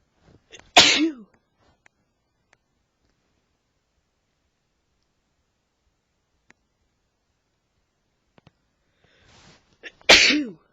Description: my boyfriends allergies were acting up